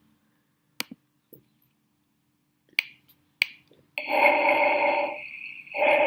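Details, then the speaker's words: Bronchovesicular breath sounds, a mix of laryngotracheal breathing and vesicular murmur, normally heard in the infraclavicular region; teaching demonstration. "Bien, esa es la respiración broncovesicular."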